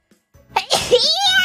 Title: sneeze for the answer